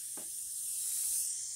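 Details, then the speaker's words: Dental suction and air-water syringe during a limited rinse after phosphoric acid etch of enamel and dentin: steady high hiss of suction and water spray over a low hum as etchant is suctioned off before a 5–10 second rinse. "going to hover over and suck up the distinct material and then i'm going to do a limb difference and start with a little bit of a string of water and i could do a slurry"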